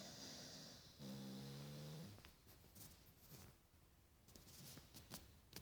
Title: Staffordshire Bull Terrier Snoring